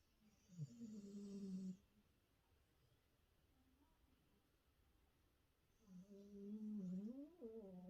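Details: Dog snoring harmlessly while asleep beside its owner: two drawn-out, humming, slightly whistling breath sounds separated by quiet.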